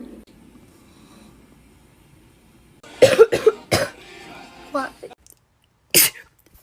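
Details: Rapid repeated sneezing in a girl: a quick run of several sharp sneezes in a row, then another single sneeze after a short pause.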